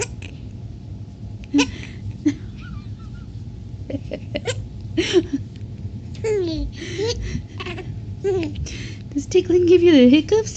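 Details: Baby boy tickled until laughing gives him hiccups: infant giggling and babbling broken by sudden short hiccup sounds between laughs.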